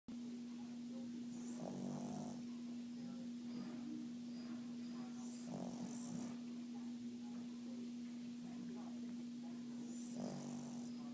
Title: Moose snoring